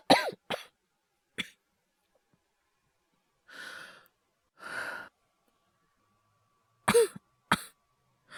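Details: Simulated coughing performed by a male voice actor for an acted cough compilation: several short, sharp coughs in clusters with breathy exhalations between them; not a real illness.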